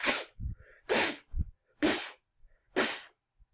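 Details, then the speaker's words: Vocal imitation of a stenotic valve murmur, such as aortic stenosis where blood squirts through a narrowed valve after the first heart sound: four harsh hissing bursts, each after a soft low thump. "it makes more noise it's stenosis it's squirting through it's making a greater sound"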